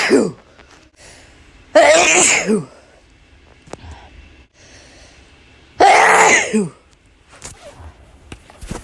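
Two loud, explosive sneezes, each with a sharp inward breath before it. Ordinary sneezing.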